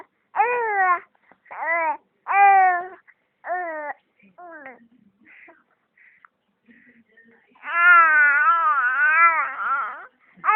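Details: Infant crying: repeated tonal wails in short bursts, then one longer, wavering cry.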